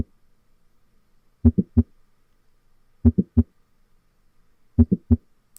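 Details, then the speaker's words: Mitral valve prolapse: slow heart cycles with S1, silence, a mid-systolic click, then a late systolic crescendo murmur rising to S2. "so when we listen to mitral valve prolapse we really need to pick up on that late systolic Crescendo murmur with the mid systolic click so I'm going to play that for you now this is what mitral valve prolapse sounds like"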